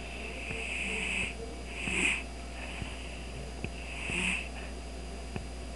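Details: Cat snoring after falling asleep on a computer desk: soft, high-pitched whistling nasal breaths at regular intervals over a steady room hum, with faint clicks.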